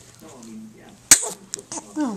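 One sharp, explosive sneeze after a short quiet intake, followed by voices nearby. A single ordinary sneeze.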